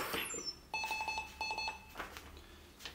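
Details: A rapid series of clear high-pitched beeps in two bursts over room noise: a MEDUMAT Easy CPR ventilator's airway-pressure-high alarm, triggered by pushing the test lung during expiration in a function check.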